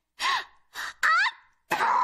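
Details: Anime character with an itchy, tickly nose, voice-acted rather than real: several sharp, voiced catching breaths in a row, a gasping build-up like the moments before a sneeze.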